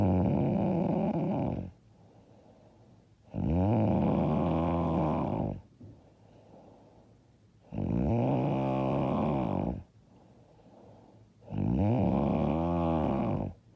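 Loud, harsh rattling snores on each breath, about 16 breaths a minute, with quiet exhalations between; heavy snoring.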